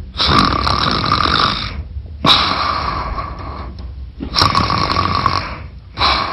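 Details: Staged commercial of a wife snoring in sleep: loud, harsh rasping snores, three long breaths of about two seconds each.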